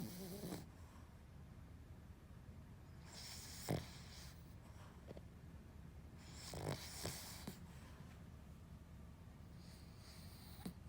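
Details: Lhasa Apso dog asleep: rhythmic snorting snores recur every few seconds against steady room noise; snoring.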